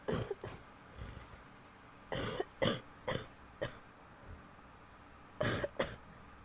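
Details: An adult woman gives a series of short, harsh coughs in small clusters with quiet pauses between; coughing.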